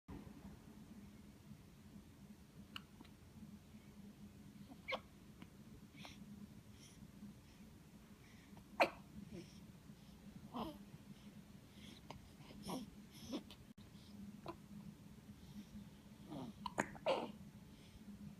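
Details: Nine-day-old baby boy, possibly his first hiccups: several faint, short, abrupt catches spaced irregularly in a quiet room, fitting soft hiccups.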